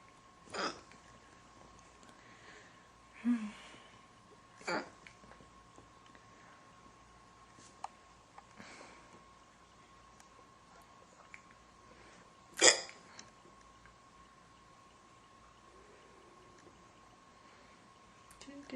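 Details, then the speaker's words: Girl with a lingering bout of hiccups in a quiet room, from an old recording: sharp, brief hiccups at irregular intervals, some soft and some louder. She says holding her breath makes it worse. Hiccups. "Waiting for them to be over. Because I can't do anything else until they're over. It's annoying."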